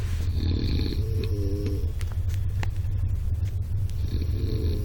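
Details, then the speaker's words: Loud, low, continuous rumbling snore over steady background hum, with a brief tonal squeak partway through. "Я держу храп."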